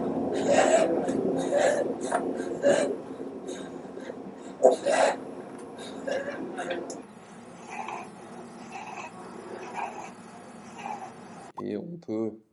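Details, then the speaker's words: Lung auscultation recording: steady, musical whistling amid breath noise, a sibilant rhonchus (wheeze) from narrowed bronchi, as in asthma attack or COPD exacerbation. "ensuite un bruit assez typique c'est le si bilan donc c'est un sifflement qui correspond finalement à la diminution du calibre des bronches"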